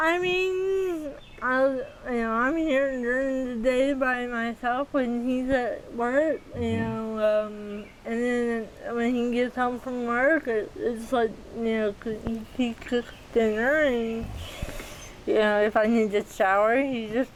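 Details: 40-year-old woman with athetoid cerebral palsy, GMFCS level 3/4, moderate to severe physical involvement due to quadriplegia, uses walker and power wheelchair; speech may be hard to understand; dysarthria (athetoid cerebral palsy).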